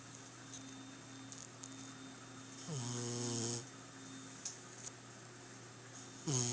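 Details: Snoring heard every night: low, steady rumbling snores with a louder buzzing snore in the middle and another starting at the end, over a quiet room hum.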